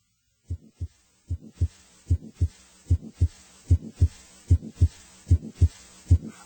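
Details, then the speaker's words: Grade 1/6 heart murmur in a teaching example: regular heart sounds about 75 a minute with a very faint murmur, heard only after tuning in and possibly not in all positions. "using the Sixpoint scale grade one indicates a murmur that is very faint and heard only after the listener has tuned in it may not be heard in all positions"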